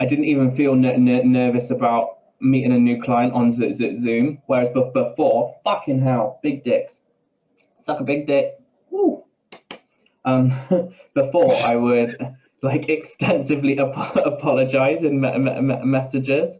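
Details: Man with Tourette syndrome whose tics are involuntary swearing and blurted phrases mid-sentence, who also has a stammer that worsens under stress; vocal tics with coprolalia (Tourette syndrome).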